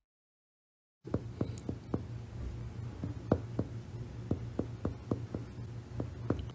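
A series of sharp, hollow finger taps over a low hum: chest percussion notes ranging from resonant to tympanic, dull and flat.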